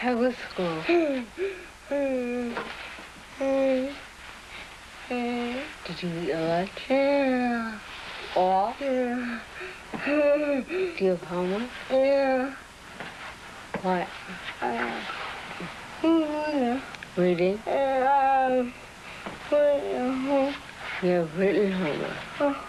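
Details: Adult woman with dystonia musculorum deformans for nearly 30 years since age 10, beginning as writer's cramp and spreading through the whole body; speech improved after surgery but still noticeably impaired; dysarthria in dystonia, from a 1982 film.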